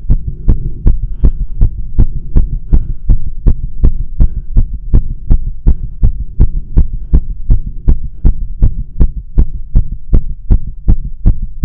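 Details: Spontaneous tachycardia episode at rest, no exercise or caffeine, with dizziness, shaking, breathlessness: loud, rapid, regular thumping heartbeat about 160 beats a minute.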